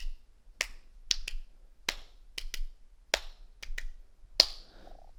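Sharp snapped or clapped clicks in a repeating three-beat pattern, two close together then a pause, imitating an S4 atrial gallop.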